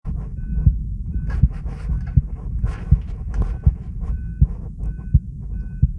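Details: Steady, regular heartbeat at about 80 beats a minute with ECG recording and faint intermittent tones in the background; normal heart sounds.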